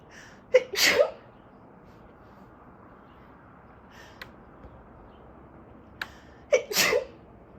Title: Another allergy sneeze fit | 24 sneezes